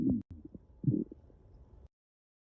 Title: loud and hungry stomach growling